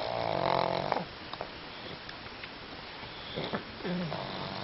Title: Pugs Snoring!